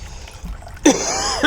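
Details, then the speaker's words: Adult with a lingering tickly cough, improving, earlier burning in airways with cold drinks, gives a single sharp cough running into laughter after a pause; cough. "Still got the tickly cough. Don't know what's wrong with it."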